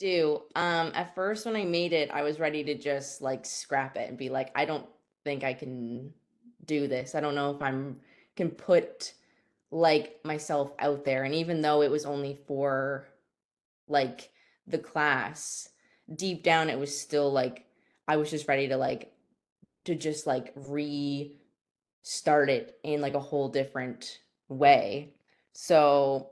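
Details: Stuttering in a female university student who describes herself as someone with a stutter, speaking live.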